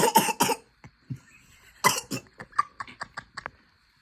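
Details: A child gives a few deliberate, forced coughs with throat clearing while an adult says the child is not really coughing and is fine; voluntary pretend cough.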